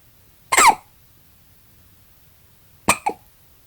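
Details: Newborn baby, 20 hours old, with hiccups: three short, sharp hiccup sounds in a quiet room, one alone then two close together.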